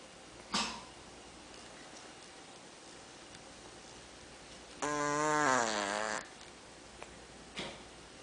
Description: Check out my cat Danny snoring